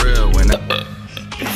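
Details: A person burping really loud: one loud, low belch lasting about half a second, followed by brief talk and music.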